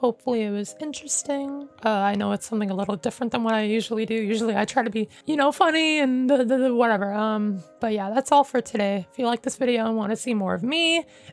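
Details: Adult male with self-identified, not professionally diagnosed functional voice disorder: habitual higher pitch after puberty for about 9 years, ongoing, often mistaken for a girl or child; he reports cracking, cut-offs, weakness and hoarseness; mutational falsetto (puberphonia).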